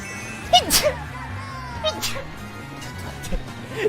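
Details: An adult gamer sneezes while playing Mario Kart: a single abrupt, high-pitched, squeaky burst with a sharp airy hiss, with game music and short vocal sounds behind it.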